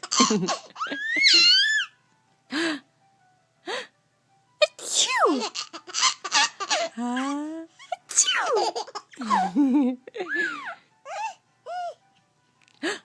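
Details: An adult sneezes repeatedly, and each sneeze is answered by a baby's high, squealing laughter.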